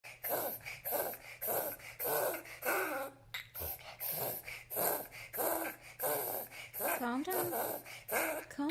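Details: Pet named Mazey with a rapid run of harsh, repeated coughs, about fourteen bursts; owner's voice briefly heard.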